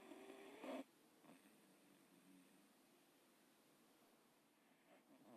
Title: Super Sweet Snoring Michaelangelo Jack Russell